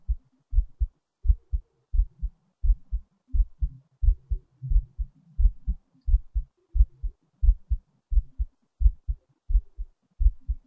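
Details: Heartbeat recording: clear, regular two-part heartbeat at about 87 beats a minute with crisp thumps and no added sounds evident.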